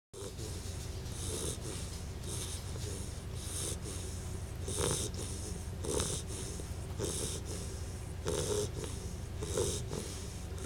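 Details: Bettie snoring on her first night home: steady low rumbling snore with soft snorting and wheezy breaths, roughly one breath every second during sleep; recording is quiet.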